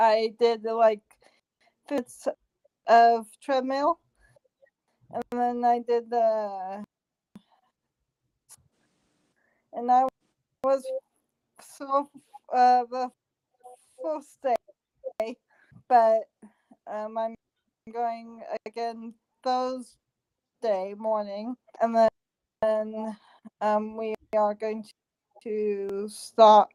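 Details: Female stroke survivor working on speech and memory in therapy; improved since joining practice sessions, but finds it hard to get words out at work; post-stroke aphasia.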